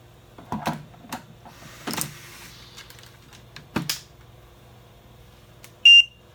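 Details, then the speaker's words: Philips Trilogy ventilator running on its 3-hour internal battery while unplugged; after the detachable external battery is reinserted, clicks and handling noises, then a single short beep notifying a full external battery, giving 6 hours of total run time. "Once I put this external battery back in, it's going to pop up letting you know that you have a full external battery."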